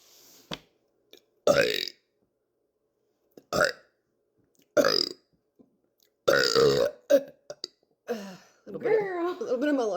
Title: Lunch burps!#burping #belching